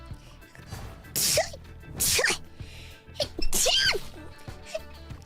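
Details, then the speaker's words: Streamer sneezing repeatedly during a live stream, with three sharp, explosive sneezes in a row, each preceded by a quick intake. Said "I keep sneezing" and apologized, over background music. "I keep sneezing."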